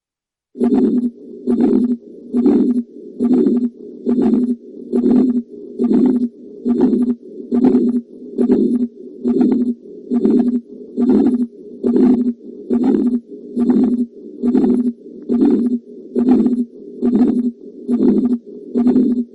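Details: Heart murmur on auscultation: regular heartbeats at about 70 a minute, each with a whooshing, buzzing sound.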